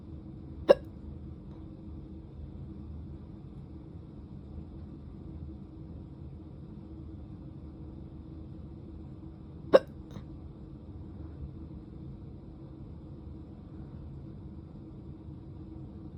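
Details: Drunk hiccups: two sharp, abrupt hiccups about nine seconds apart in a quiet room.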